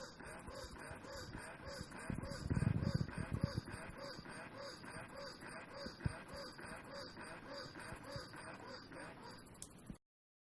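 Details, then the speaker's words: Rhythmic mechanical pumping, about four cycles a second, with motor hum: a Spectra 2 electric breast pump running, demonstrated as quiet compared with a Medela pump. "then I'm going to turn it off and I'm gonna turn my spectra on so you can hear what it sounds like"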